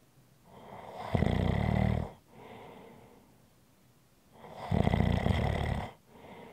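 Two loud, rumbling inhaled snores, each followed by a softer outward breath, at about ten breaths a minute; ordinary snoring.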